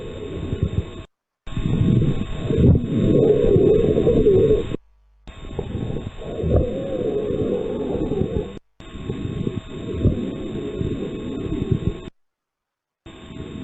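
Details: Simulated lung sounds in an auscultation teaching session: rough, crackly breath cycles with brief musical wheezy tones. The instructor points out wheezes and rhonchi. Crackles with wheezes, as in pneumonia.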